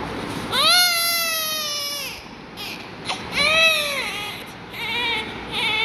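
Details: High-pitched, wailing cries from a newborn under treatment with prescribed Fortum 250 mg injection: two long sustained bouts and a shorter third with breaths between, over faint room noise.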